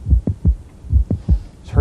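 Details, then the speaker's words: Heart sounds at the apex, heard best with the diaphragm: quick beats in a dance-step rhythm with an extra click between S1 and S2; mid-systolic click of mitral valve prolapse, often myxomatous degeneration. "now this mid-systolic click is usually due to something called mitral prolapse often due to mix um buddhist degeneration of the mitral valve"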